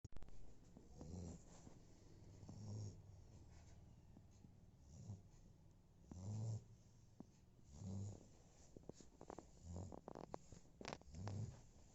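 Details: Sleeping Labrador dog snores in low, rumbling bursts repeating with each slow, steady breath; snoring.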